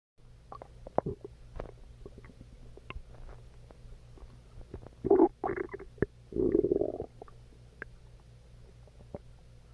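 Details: Borborygmi (stomach growling).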